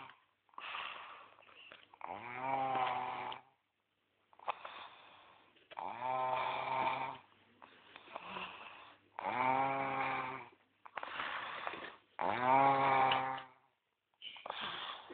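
Loud, rough snores repeat on each breath in, with quieter breaths out between them. There are about 19 breaths a minute.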